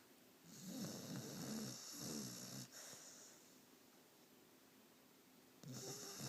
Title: Maoli snoring